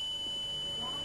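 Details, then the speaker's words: Tinnitus pitch-matching test tone played to a man during audiometry, a steady high-pitched pure tone over faint room noise; his audiogram shows a high-frequency deficit in both ears from noise trauma. "donc est-ce que votre bruit ressemble à ce bruit là Monsieur c'est plus bas comme ça c'est mieux ouais ça ressemble à ça"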